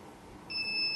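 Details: Steady high electronic beep starts suddenly and holds; alarm of a new portable oxygen concentrator (flow 1–5 L/min, battery-backed) switched on with the alarm button during a demo function check.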